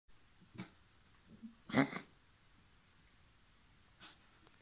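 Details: Pet with a mild autumn flu coughing: one sharp, harsh cough among a few softer huffing breaths in a quiet room.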